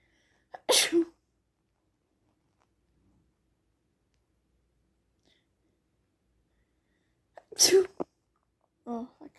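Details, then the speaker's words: Person feeling sneezy in spring: two sharp, explosive sneezes several seconds apart, the second followed by a brief vocal sound; sneezing. "Gosh, I'm just feeling really sneezy. And there's spring, so this is perfect."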